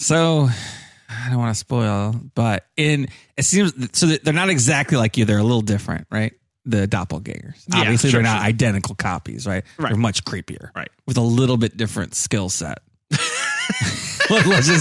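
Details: Adult man speaking; ordinary speech.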